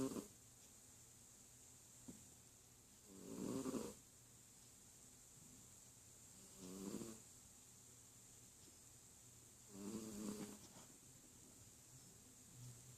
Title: Sleepy, Snoring Kitty